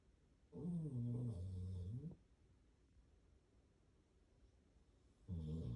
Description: Sleepy Pup snoring!!